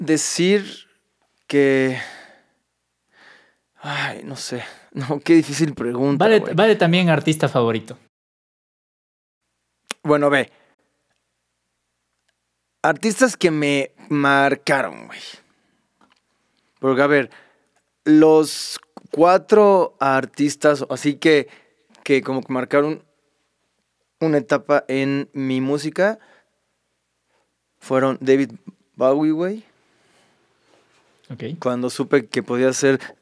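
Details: Mexican male singer who has stuttered since early childhood, cannot remember speaking without getting stuck, and reports not stuttering when singing; stuttering.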